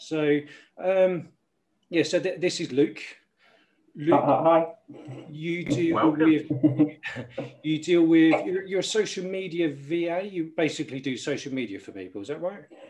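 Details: Adult male speaker; typical speech.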